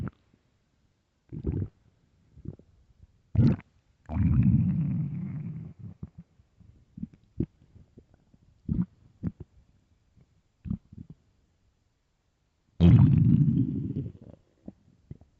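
Irregular gurgles and two longer low rumbles from the belly; ordinary stomach growling, as with hunger.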